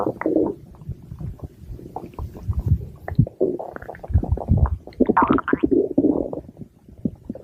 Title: Pink Diamond's stomach growling (Request for @amandaforbuddies )